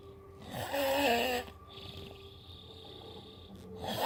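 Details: Man recorded while asleep: one rough, rattling inspiratory snore followed by quiet breathing over room noise; snoring.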